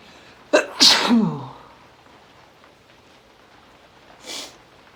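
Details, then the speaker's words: Male, just woken in the morning, sniffly with a tickle all morning, sneezing fit while it rains outside: quick double sneeze, then a single weaker sneeze seconds later over soft rain; repeated sneezes. "I woke up this morning and was really sniffly and I just sneezed. Oh god. Oh god. I'm gonna sneeze."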